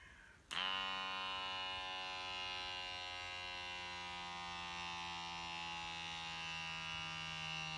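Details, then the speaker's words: Click, then a continuous whining motor hum as a talking automatic blood pressure monitor inflates its cuff after an earlier error; reading 171/109 mmHg, heart rate 90, reported as moderate hypertension. "The device is ready for use. You may start measuring."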